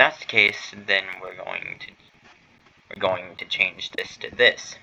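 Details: Adult male streamer who says he stutters and that streaming, here his first stream, makes it worse; stuttering.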